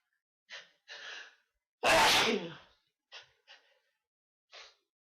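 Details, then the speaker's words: Quick gasping in-breaths, then one loud explosive sneeze and short catching breaths, in a quiet room, from a person in a sneezing fit who feels more sneezes coming; one of a run of repeated sneezes. "Oh no. It's not. It's another one coming. Knew there was one. How many are we gonna get?"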